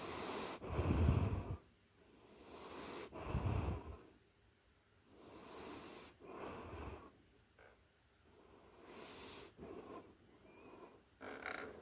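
Soft, snuffly snoring from a sleeping puppy, about five breath cycles, some with a faint whistle. Ordinary sleep snoring.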